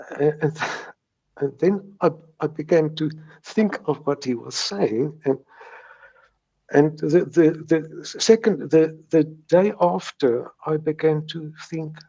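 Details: Stuttering in a man in his 70s who has stuttered since age three; he still gets mild blocks; this stretch contains word and part-word repetitions.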